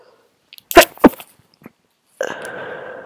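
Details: Person with a cold caught from a coworker's sneeze, with low immunity after flu: two short, muffled, held-back sneezes followed by a steady hum; stifled sneezes.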